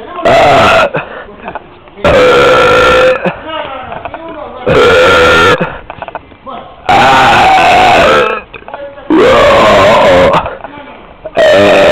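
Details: Five long, loud, voiced belches roughly every two seconds, recorded outdoors in the street with street noise between them; repeated burping.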